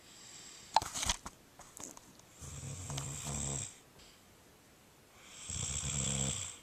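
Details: Person recorded snoring in sleep, alongside sleep talking.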